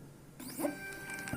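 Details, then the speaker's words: Start-up drive self-test of a low-cost Ambu-bag ventilator driven by a Nema 17 stepper motor, with a reed switch detecting the small movement: a brief rising motor whine with whirring steps and a faint click. "how the drive test works is just a small movement to check if it's working and the read switch inside is detecting the small movement"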